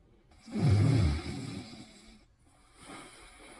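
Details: Snoring during sleep in bed: one loud, low, rattling snore on a breath in, followed by a quieter breath out.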